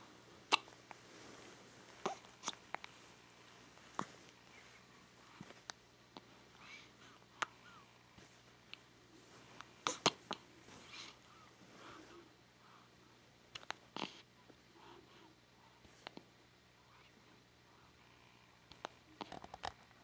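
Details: Newborn baby, 4 days old, with hiccups: about a dozen abrupt, sharp little hiccups at irregular intervals over 20 seconds, with soft infant sounds in a quiet room.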